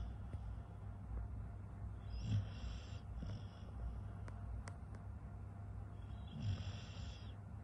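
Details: Sleeping beagle dog snoring: two soft snoring breaths with faint whistling on the in-breath, about four seconds apart, over steady low room noise.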